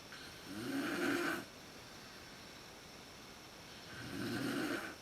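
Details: Mother's snoring at sleep onset, when it is worst, recorded in the dark with a Canon PowerShot SX130 IS camera: two long, rough, rumbling inspiratory snores with quiet between, in a still room.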